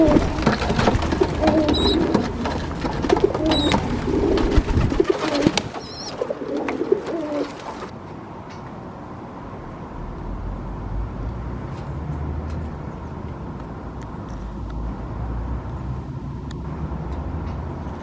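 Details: A female pigeon (dove) squeaks and coughs: repeated squeaky calls with short abrupt coughlike bursts, then quiet room noise.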